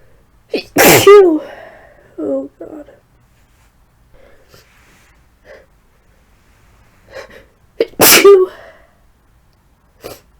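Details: Person with flu and tickly nose inducing sneezes: two forceful sneezes, each after a sharp in-breath, then short gasps and groans; strong sneezing.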